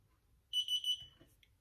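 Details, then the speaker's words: Infrared forehead thermometer in body mode touched to a warm kettle: short run of quick, high-pitched electronic beeps, its fever alarm for a high-temperature reading; display turns red when fever detected. "you straight away you've got a high temperature"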